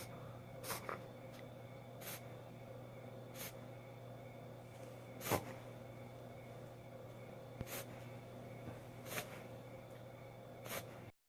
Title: Goldie reverse sneezing